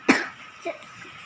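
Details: Child with a cold and cough after playing in the rain: one short, sharp cough with a faint second sound just after, in a small room.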